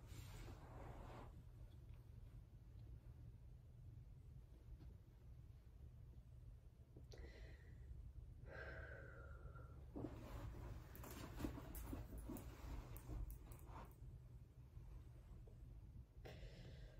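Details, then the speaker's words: Student nurse's thorax and lung exam: the patient breathes in and out through the mouth as asked. Quiet, soft breaths with pauses and low room hum. Clear, normal lung sounds in all lobes. "clear lung sounds on all oops"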